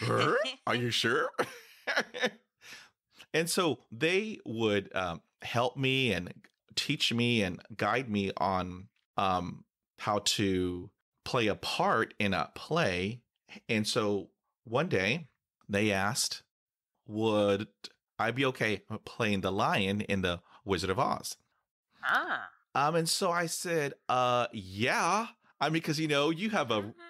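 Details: Adult man who stutters, teased about it at school; stuttering.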